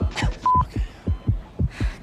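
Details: Fast heartbeat.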